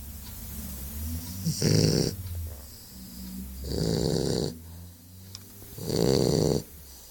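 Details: Dog snoring: three loud, rough bursts about two seconds apart with a softer low rumble between, roughly 25 breaths a minute.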